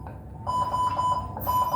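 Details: Ventilator alarm during a demonstration of ventilator operation and settings: repeated high electronic beeps in a quiet room.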